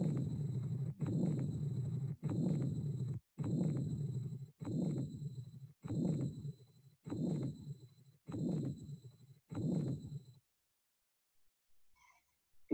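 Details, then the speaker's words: Patent ductus arteriosus continuous murmur: low rumbling murmur running almost unbroken through systole and diastole, about 50 a minute. "it typically begins in sicily envelope the second heart sound s2 and continue through some portion of the astute a classic example of continuous murder is it is usually heard in the second or third interspace at a slight distance from the sternal border"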